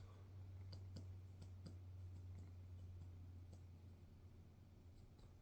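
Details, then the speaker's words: Abdominal assessment on an adult female: finger percussion down the right chest, resonant notes changing to dullness at the upper liver border; liver span 6–12 cm, within normal limits. "I'm going to start at the right lower quadrant and I'm going to percuss all the all the way up until I hear an area of dullness"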